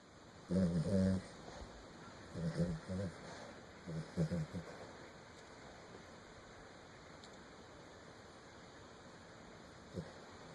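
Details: Snoring: three low, rattling snore sounds in the first five seconds, then quiet room noise with one brief sound near the end.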